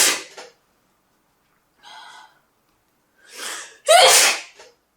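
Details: An ordinary sneeze: a short breath in, a catching inhalation, then one loud sneeze.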